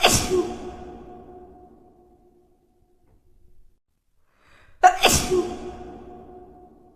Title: SNEEZING COMPILATION🤧EP:01